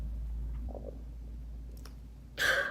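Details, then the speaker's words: Adult's stomach growling heard during a vlog; faint low gurgling rumble over quiet room hum, then a brief louder burst; ordinary stomach growling (borborygmi). "my stomach's growling. Did you hear that? Oh my god."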